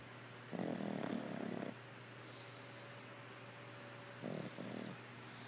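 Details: Chloe, a Pug, passed out asleep, makes two rough, rattling snore noises on breathing in, with a quiet pause between them.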